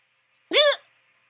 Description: So i had hiccups one day and I finally got it recorded :)